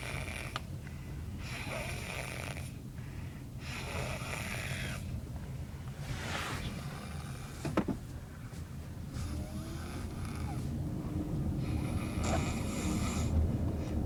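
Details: Sleeping children: repeated rough snoring breaths, about one every two seconds, over a steady low background rumble; caption mentions bobbing.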